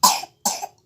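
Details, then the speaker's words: Two short, sharp, dry-sounding coughs about half a second apart from a young child, in a quiet room. "bongbong Dede lagi batuk guys"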